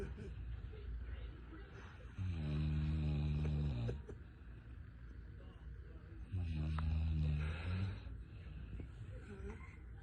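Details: Grandmother snoring: two deep, droning snores about four seconds apart, each nearly two seconds long, over steady room noise.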